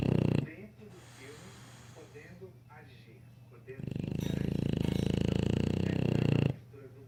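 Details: English Bulldog snoring, even after waking: loud, rough, rattling snores with a quieter stretch of noisy breathing between snores.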